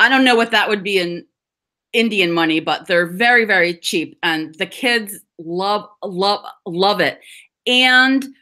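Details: Adult woman who stutters (stammers), speaking English with audible part-word repetitions; stuttering.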